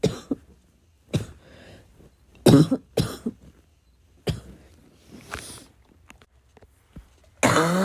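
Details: Adult's persistent coughing fit, about six harsh, rough, somewhat barking bursts mixed with throat clearing and snorts; described as a little wheezy, a little chesty and barking as usual: chesty cough.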